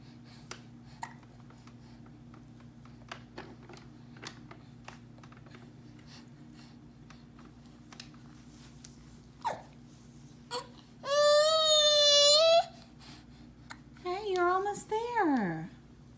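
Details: Baby with soft, repeated hiccup clicks at irregular intervals, then two high-pitched squeals; infant hiccups.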